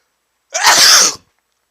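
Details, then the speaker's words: Adult male sneezing after sniffing chhinkni (sneezing powder) with an itching nose, a single forceful explosive burst under a second in a quiet room: sneeze. "oh that was a huge sneeze it felt like my body just couldn't sneeze hard enough"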